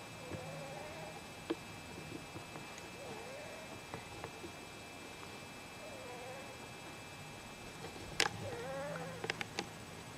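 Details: Pet cat snoring: soft, whistling nasal snores repeating about every three seconds, roughly 22 breaths a minute, over faint room hum.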